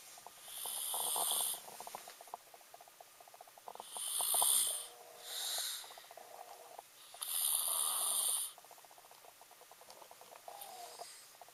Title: king of snore part I